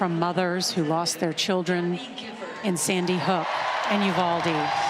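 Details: Adult woman speaking, broadcast commentary; ordinary speech.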